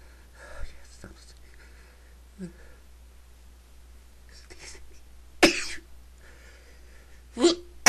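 Quiet breathy sounds, then two sharp, explosive bursts a couple of seconds apart; sneezes.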